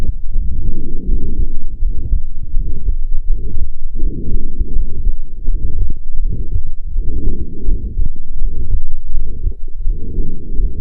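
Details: Heart sounds recorded with a Stethophone digital stethoscope app: low heartbeats with a rough whooshing murmur filling the gap after each first sound; systolic heart murmur, a marker of cardiac pathology.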